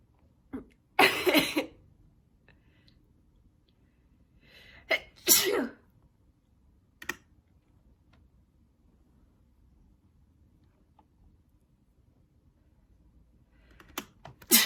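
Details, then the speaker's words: Sneeze attack during a live stream: several sharp, forceful sneezes with short breaths and quiet pauses between them, so the speaker stays muted; a bout of repeated sneezing. "I need to stay muted for a minute because I am in the in the middle of another sneeze. Attack."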